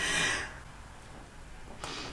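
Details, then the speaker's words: A single loud, hissing sneeze as the speaker pauses mid-talk, followed by quiet breathing and a brief breath noise. "Je fais une petite pause d'éternuement. Si j'ai oublié d'enlever cette partie-là, eh ben, excusez-moi. Vous allez entendre beaucoup de bruit."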